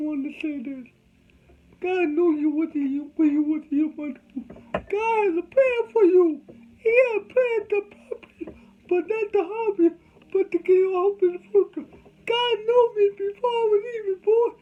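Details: Adult man with cerebral palsy from birth, whose family was told he would never talk: dysarthria (cerebral palsy).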